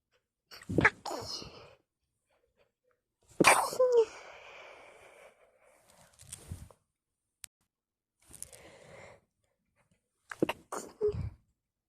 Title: Sneeze attack on bed at nigth